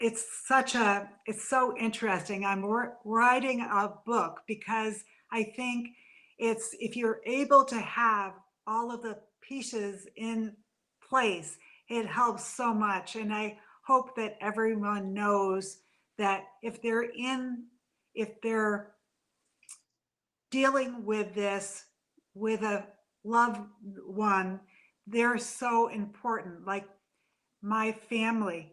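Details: Adult woman three to four years after a stroke caused by a brain AVM, still in speech therapy; mild aphasia after the stroke.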